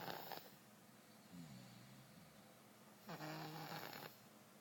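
Soft, short snorting snores with each breath, separated by quiet stretches; gentle infant snoring.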